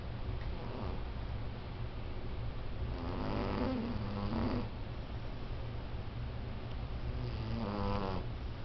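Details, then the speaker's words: A sleeping female cat gives low, rough, irregular snoring breaths over a steady room hum, partly masked by noise; the owner suspects sleep apnea and worries it is unhealthy. "Use a snore. You got like sleep apnea or something, babe. I'm telling you, you're going crazy over there."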